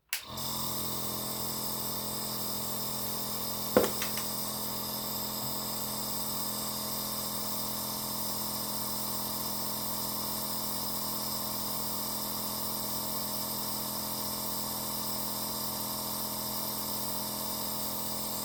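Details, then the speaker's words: Compressor nebulizer running for inhalation of saline by an adult woman with a dry cough: steady buzzing motor drone, with one brief click partway through. "покажу значит смотрите вот я включаю и видите пошёл пар Вот это уже лекарство это уже физраствор"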